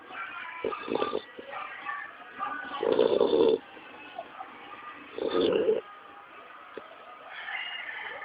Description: My cute pitbull Pup "NANA" is Snoring